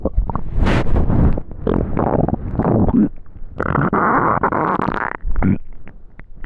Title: Extremely Hungry Stomach Growling